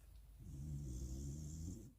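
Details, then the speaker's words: A sleeping dog snores her head off in a motorhome: a single loud, low, rumbling snore lasting about a second and a half. Ordinary snoring. "But anyway, right, I don't know if you can hear. Molly is absolutely snoring her little head off."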